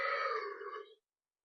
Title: hot cute sexy DEEP LOUD AND LOONNGG burps. mukbang burp Girl eructos